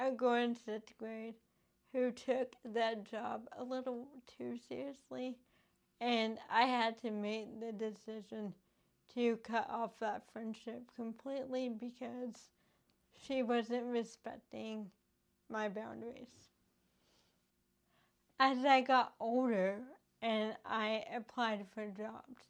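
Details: Adult woman with cerebral palsy caused by lack of oxygen and bleeding in the brain before birth, affecting her speech: dysarthria (cerebral palsy).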